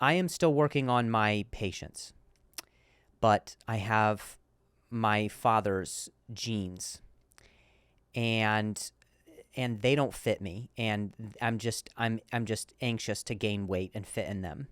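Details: Adult male comedian and podcast host who stutters, in real speech with repeated words: stuttering.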